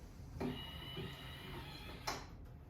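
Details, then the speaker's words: OrthoGold 100 softwave extracorporeal shockwave therapy machine setup: a brief mechanical whir as its motor draws the applicator into the port, ending with a sharp click as it locks in. "When you insert the electronic apparatus into the port, there's a motor that will draw the applicator in until it clicks."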